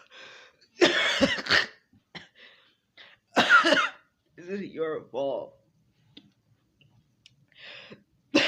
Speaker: I can't stop coughing. I can't stop coughing. This is all your fault.